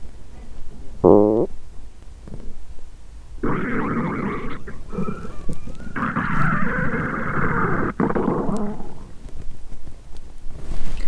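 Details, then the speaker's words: Self-recorded abdomen via microphone after fasting over 17 hours, with pre-period stomach pain; long low groaning rumbles with a brief gurgle, which the person notices as loud growling; hunger borborygmi on an empty stomach. ""एह!?"। "मैंने अपने पेट से जोर से गुर्राने की आवाज सुनी।""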